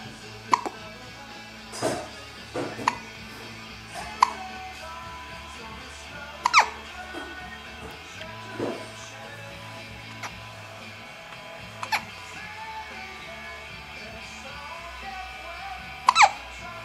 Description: Those dang hiccups